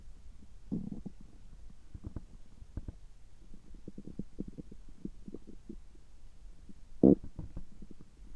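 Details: Bowel sounds recorded from the abdomen just after a gastroscopy (upper endoscopy) at a checkup with normal results: soft gurgles and rumbles, one louder gurgle near the end; ordinary bowel sounds.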